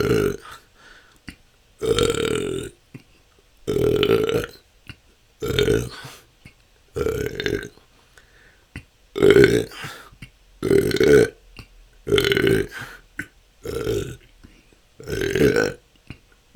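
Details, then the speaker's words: Self-recorded continuous 10-minute session of natural burping with a better microphone; belching can go on for hours and has been a struggle for a couple of years. Frequent, loud, drawn-out belches every one to two seconds, ten in under seventeen seconds: excessive belching. "that's 10 minutes this can go on for hours this has been my struggle for the last couple of years"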